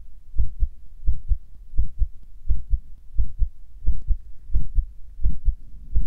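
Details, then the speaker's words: Carotid pulse heartbeat recorded at the person's own neck for ASMR: regular paired thumps at about 87 beats a minute, which the person notes seems unexpectedly fast. "sorry if my heartbeat is fast, because I don't know why it's beating fast."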